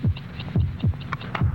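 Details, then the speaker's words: Human heartbeat from a vintage Bufferin TV commercial: steady regular lub-dub, 72 beats over the 60-second message, from an old commercial soundtrack. "this message will last 60 seconds 72 heartbeats if you had taken buffering at its start"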